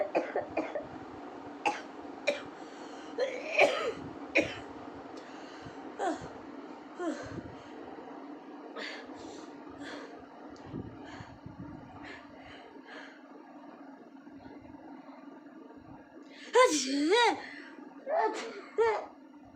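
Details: Woman who is unwell, doing a sneezing and nose-blowing challenge: repeated short coughs, throat clearing and sniffs, then a few louder coughing bursts near the end.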